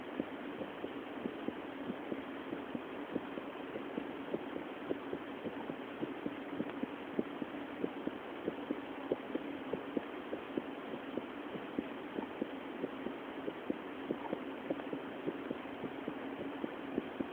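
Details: Female's heart sounds recorded with a homemade heart-sound microphone for a mobile phone: steady, regular faint heartbeats at roughly 80 per minute under a constant muffled hiss; normal heartbeat.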